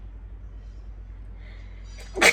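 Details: Woman with a cold, runny nose and feeling feverish, who had trouble sneezing: quiet room hum, then a single sharp sneeze burst at the very end.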